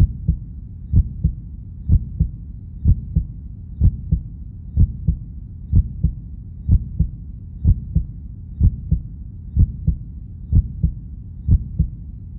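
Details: Simulated heartbeat of a cartoon character, not a real recording: steady lub-dub at about 62 beats a minute, even rhythm; normal heartbeat.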